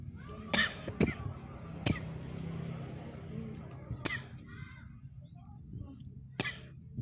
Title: coughing